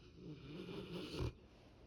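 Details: Sleeping Labrador puppy in deep sleep: one soft, low, fluttering breath, then quiet; a light snore.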